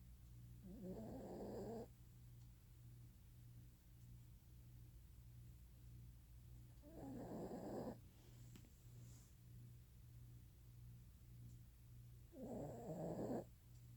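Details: Cuddly female Italian Greyhound snoring while asleep: soft, low snores recurring roughly every five to six seconds over a steady hum.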